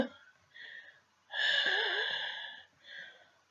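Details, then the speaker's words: Breathing test by a person whose breathing worsens in their flat: noisy, effortful breaths, including one long drawn breath with slight whistle, in a quiet room; laboured breathing. "Doesn't matter what time I walk into this flat, my breathing gets worse."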